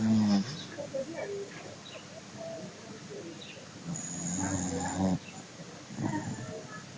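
Three rough, low, rattling breaths a few seconds apart, with faint room noise: a dog snoring during sleep.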